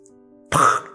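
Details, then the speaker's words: Snoring sound graded as most severe: faint steady tones, then a sudden harsh snorting burst as breath bursts out after an apnea. The tongue and jaw drop back and block the airway in obstructive sleep apnea. "키 상태는 어 이거는 무호흡이 앞에 있었다 그리고 숨이 터질 때 나는 소리가 키역 소리입니다이 혀은 어디에 붙어 있냐 보면이 아래턱에 붙어 있죠"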